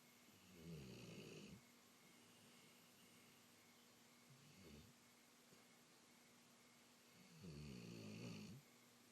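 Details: Snoring dog: three rattling breath sounds over nine seconds, two long and one short, against a steady low hum.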